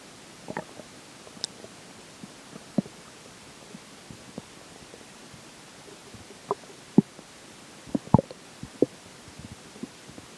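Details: Scattered soft clicks and brief gurgles, roughly one a second, over a steady hiss, recorded during digestion as swallowed water and air take effect; ordinary bowel sounds.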